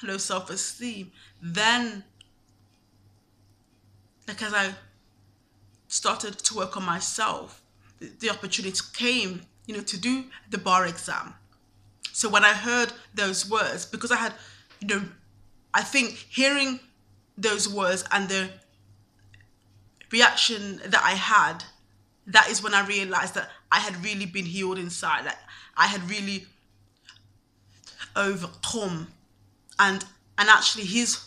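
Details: Adult woman who stammers, told by another lawyer she should not pursue a law career with a stammer; frequent pauses between short phrases; stuttering.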